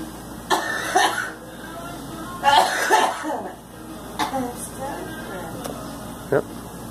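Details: Young woman smoking a full-flavor red 100s cigarette gives several short, harsh coughs with throat clearing and some voice; cough while smoking.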